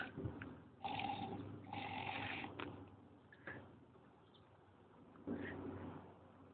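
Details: Tired pig sleeping outdoors at the Wales Ape and Monkey Sanctuary, Brecon Beacons: rough, gurgling breaths in uneven bursts over outdoor background noise; snoring.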